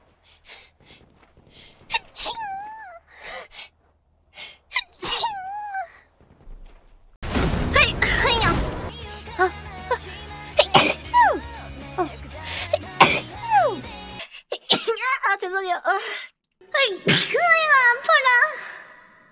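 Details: Several sharp, high-pitched sneezes with voiced exclamations, separated by a stretch of background music.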